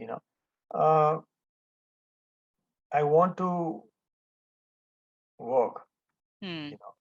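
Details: Adult male stroke survivor who was almost mute for about 1.5 years after the stroke and had daily speech therapy with his daughter and a therapist; speech is still a setback for him. Finding: post-stroke aphasia, nonfluent speech.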